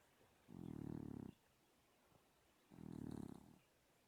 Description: Sleeping kitty, snoring kitty. Snore. Snore. Snore.